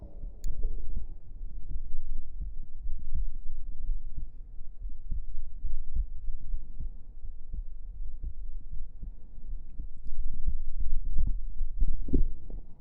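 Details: Soft, muffled low thumps repeating steadily under a low hum, recorded close to the chest for relaxation ASMR; heartbeat.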